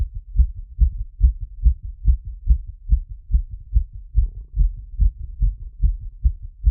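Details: Fast, regular paired heart thumps at about 140 beats a minute after a workout plus squats; rapid heartbeat after exercise.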